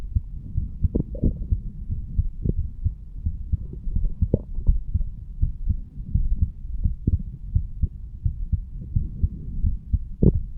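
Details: 35-year-old male standing up, heartbeat recorded at the mitral (bicuspid) valve area: low, muffled normal heart sounds with a steady background rumble.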